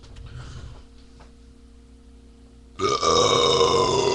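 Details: A soft low rumble, then after a pause a long, loud, voiced belch held to the end; from a recording of mostly burps and one fart; burping.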